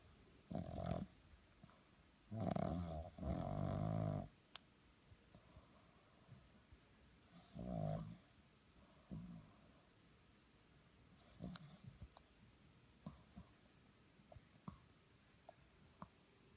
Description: My 12 week old french bulldog sleeping with his eyes open. And ofc he is snoring